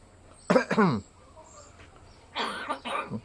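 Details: A hill myna mimics its owner's human cough: two short double bursts with a slightly whistly, tonal edge.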